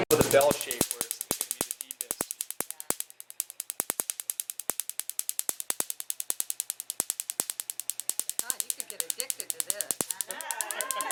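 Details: Q-switched laser tattoo removal starting on a small blue-black area of a multicolour tattoo, system with Ruby and 532 KTP wavelengths; patient rates pain about 8.5/10, like a rubber band: rapid, steady sharp snapping clicks, about three a second, faint talk near the end.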